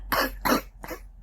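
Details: Three harsh, rough coughs in quick succession from a smoker, a wife and mother, in the morning; smoker's cough.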